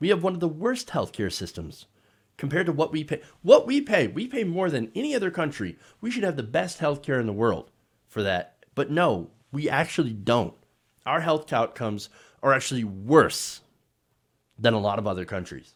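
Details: Adult male speaker; ordinary speech.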